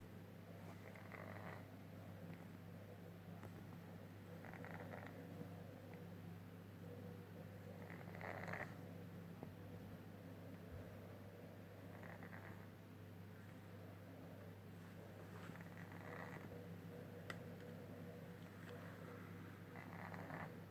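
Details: A sleeping cat snoring badly: a steady low rumble with rhythmic breath noises at roughly 15 breaths a minute.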